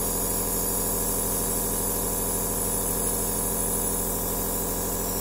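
Steady mechanical buzz and low pulsing hum of a running nebulizer compressor, continuous without breaks.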